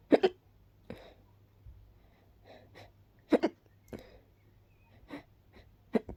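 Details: Woman with pollen allergy: brief, sharp catching sounds, some in quick pairs, at irregular intervals, about eight in six seconds; hiccups.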